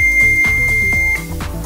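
A steady high electronic tone sounds as the defibrillator switches on, over background music.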